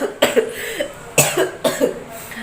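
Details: Adult woman with a cold, hoarse throat and blocked nose: three harsh coughing bouts in about two seconds.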